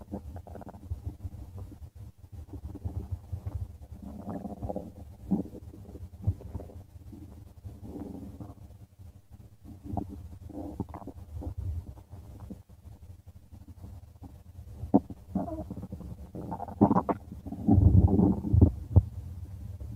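Low gurgling rumbles and bubbling sounds come and go irregularly, louder near the end: ordinary stomach rumbling (bowel sounds).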